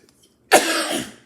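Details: Singer with a bronchial infection and phlegm-congested trachea: a single harsh, loose, wet cough with a rattly tail from extra mucus.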